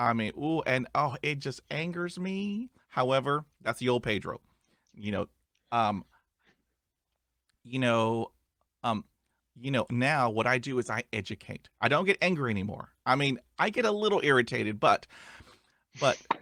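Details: Adult male who stutters; stuttering.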